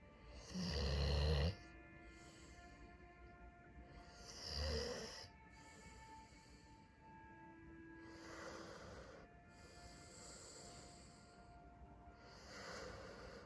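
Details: Snoring through a television showing The Crown: four slow, low, rumbling snores, about 14 a minute, with TV music and dialogue in the background.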